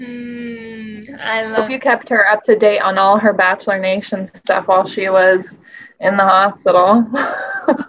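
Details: Adult woman speaking; normal speech.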